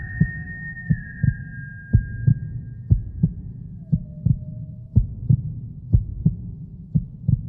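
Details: Halloween horror sound effect, not a real recording: an increasing heartbeat of paired low thuds, about 64 beats a minute, with faint eerie tones over the top.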